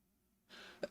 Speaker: I don't even know if you heard that. I just sneezed in case you couldn't hear that.